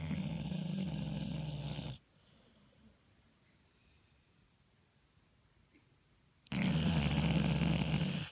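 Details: Two loud, rough, buzzing breaths with a quiet pause between them from a sleeping pit bull dog; snoring.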